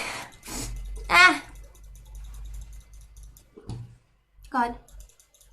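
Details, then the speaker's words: Short sneeze bursts with voiced cries from different people over room noise; ordinary sneezes. "Bro, I still gotta sneeze. Finally! I've had to sneeze for like an hour."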